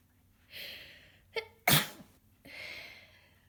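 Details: Person with a heavy head cold, very congested and snotty, having repeated sneezing fits: a breathy in-breath, a quick catch, then one forceful sneeze followed by airy breathing; sneezing.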